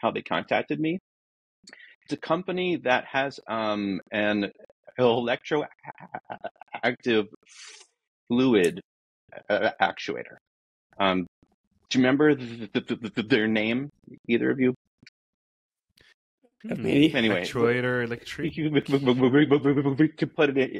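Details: Adult man who says he is a person who stutters, real and not a recording artifact; stuttering.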